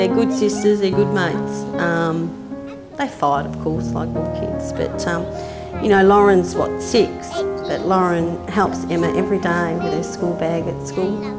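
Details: Adult speaker; Ordinary speech.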